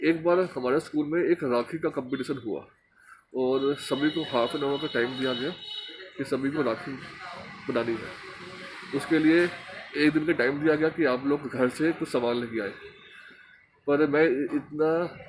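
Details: Stuttering in a Hindi-speaking man from Delhi who stammers, recording an emotional-recovery task for an Indian stammering association's course.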